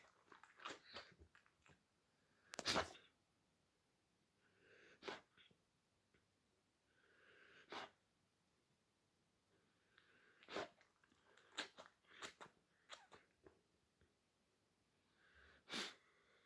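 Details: A 6-month-old puppy with kennel cough in the UK gives repeated sharp, dry hacking coughs with snorty, sneeze-like bursts.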